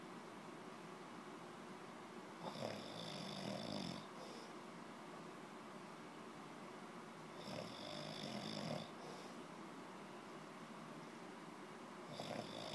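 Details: Person snoring: rough, rattling breaths about every five seconds, each followed by a hissing exhale over steady room noise, about twelve breaths a minute.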